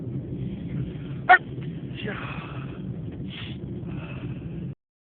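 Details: One short, muffled burst over steady background hum, followed by faint breathy sounds: a stifled sneeze.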